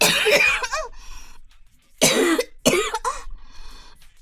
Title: Girl coughing 196